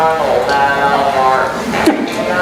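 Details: Singing with a neck-type electrolarynx (artificial larynx) with pitch control, a laryngectomy communication method.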